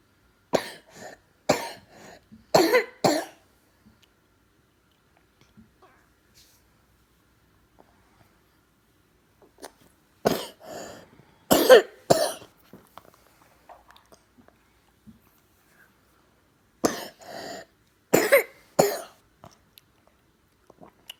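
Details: Child coughing at about 2 a.m.: three clusters of repeated dry, hacking coughs over about twenty seconds with quiet pauses between; persistent nocturnal cough.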